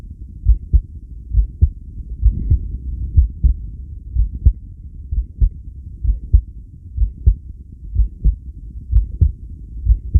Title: Heartbeat sound at long breathhold (10 lead).-subjB1